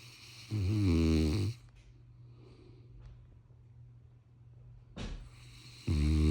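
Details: Sleeping Cane Corso dog snoring: loud, low rattling snores on each in-breath, with quiet pauses between and a short snort before the second snore.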